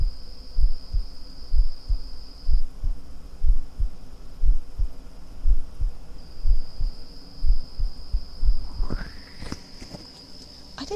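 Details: Steady low human heartbeat thumps at about 60 a minute on an ASMR recording with crickets chirping in the background.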